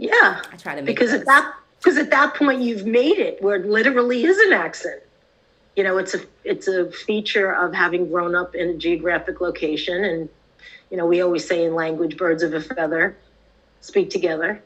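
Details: Adult woman speaking; typical speech.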